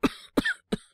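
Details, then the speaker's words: Acted cough by a male voice actor playing a young man coughing a lot since yesterday, no sore throat, with a cold: three short, moist coughs in quick succession. "なんか、昨日から結構咳が出てて、喉が痛いとかまではいかないんですけど。"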